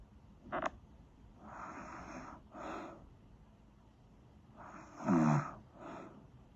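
Soft, breathy snoring with a brief snort and a short buzzing rattle on one breath, in a quiet room.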